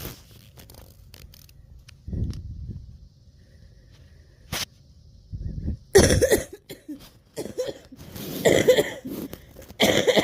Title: wheezing turns into coughing fit